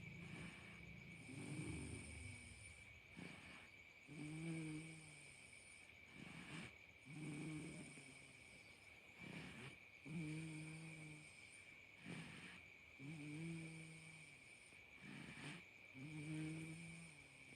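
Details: Snoring in a sleeping 6-month-old infant: regular low rattling snores on each breath, about 21 a minute, with a steady high electrical whine in the background.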